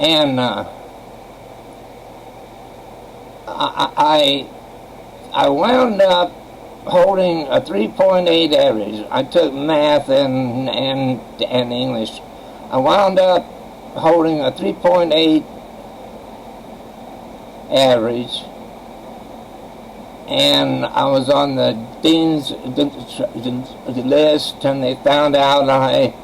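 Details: Adult man who has stuttered since age 7, attributed by a doctor to childhood trauma and severe in childhood, speaking with long pauses within sentences; stuttering.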